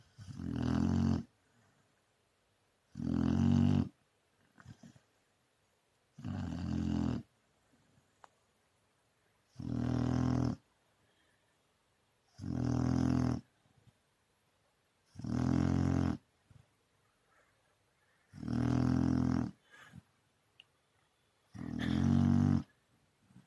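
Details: Dog snoring during sleep in steady low rumbling bursts, about 21 per minute, with quiet pauses between.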